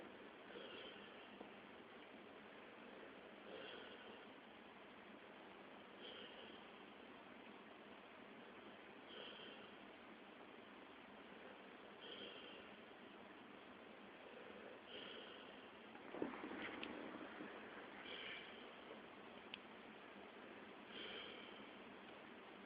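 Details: Soft, regular snoring about every three seconds over a steady hiss of room noise: snoring.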